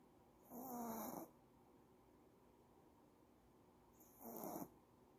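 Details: Female dog snoring while sleeping, maybe tired or dreaming: two soft, brief snoring breaths about three seconds apart over faint room hum.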